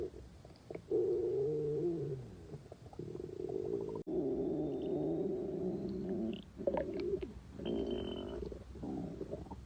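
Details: Hunger-related stomach growling before noon in an imagined scenario of a young office woman at work; long gurgling, rumbling growls that rise and fall, with brief squeaky gurgles between.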